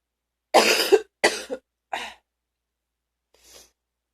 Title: # 63 Deep coughing (I was real'sick but im ok now)